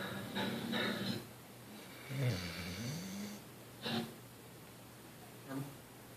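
Uneven rattly snorts and snores every one to two seconds, with a television murmuring in the background.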